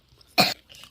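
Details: A single short, dry cough burst from a child in a quiet room, a playful cough after eating puris and drinking water.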